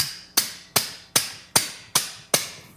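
Six sharp, evenly spaced metallic taps, about one every 0.4 seconds: a mallet driving an instrument into the sacroiliac joint during fusion surgery.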